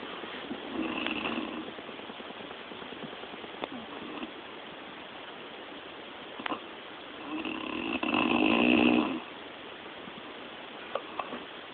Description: I woke up to my loud snoring aunt! Lol